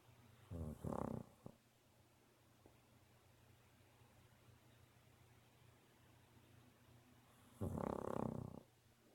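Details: Dog snoring: two loud, rough snorting snores about seven seconds apart against quiet room noise.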